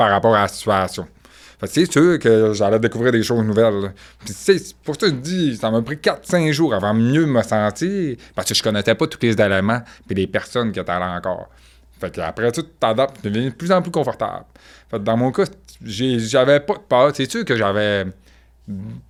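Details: Deaf speech in a man with profound congenital deafness who wears hearing aids that only signal a sound is present, relies entirely on lip-reading, and grew up among hearing people.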